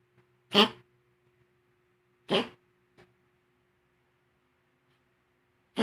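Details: Female pet that sneezes with her tongue out, long-standing: two sharp, brief sneezes about two seconds apart, then a softer snort, in a quiet room.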